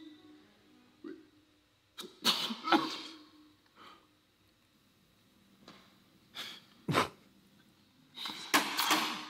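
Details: Several short explosive sneezes in quick succession from an animated or game scene of someone sneezing more than twice in a row.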